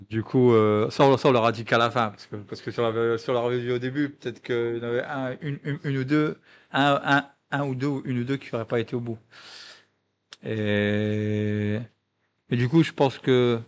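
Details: Adult male guest who stutters; French speech; stuttering.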